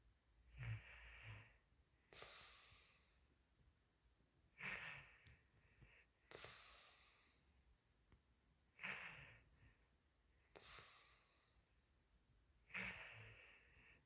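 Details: Snoring: rhythmic noisy breaths, about 15 a minute, each a rough snort on inhalation followed by a softer exhalation.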